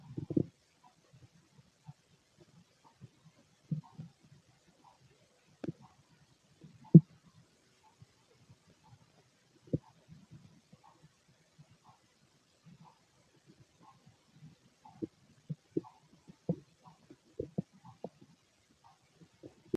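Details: Male stomach during ordinary digestion: scattered soft gurgles and pops from the belly in a quiet room, stomach growling (borborygmi).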